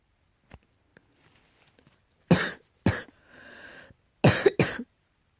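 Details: Several harsh, abrupt cough bursts from a cat with a wheezy, hissing breath between them in a quiet room; repeated coughing, tagged allergy.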